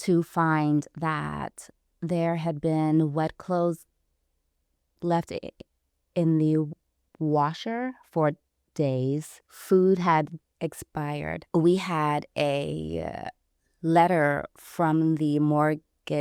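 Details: Stuttering in an adult woman who identifies herself as a person who stutters.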